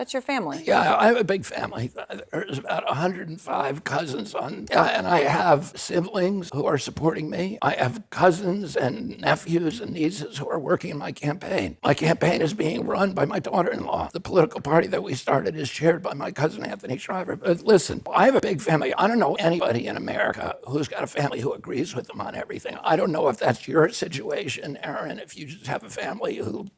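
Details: 70-year-old man with spasmodic dysphonia, a neurological voice disorder (he calls it spasmodic dystonia) that began at age 42.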